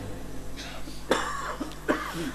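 Two short, abrupt coughs from an adult, with a steady low hum in the room behind.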